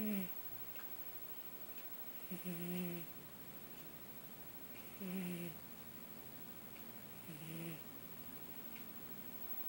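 Soft, low snoring at about 23 breaths a minute over steady background hiss; a sleeping cat snoring.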